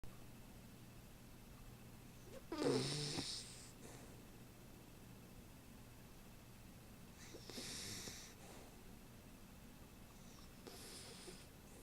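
Quiet room with three soft, noisy breathing sounds spaced several seconds apart, the first with a brief low rattle; light snoring.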